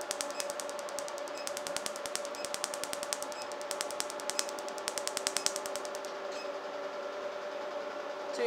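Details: RevLite SI laser tattoo removal treatment with anesthetic; rapid sharp snapping clicks about three to four a second over steady room hum; laser pulses firing.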